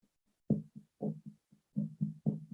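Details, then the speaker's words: Chest percussion taught in the context of blunt chest trauma: about eight low, hollow taps giving a resonant note, indicating a full, expanded lung (stony dull would suggest fluid or blood; hyperresonant, a pneumothorax). "That is percussion. That's resonant. I know my lung is full and expanded."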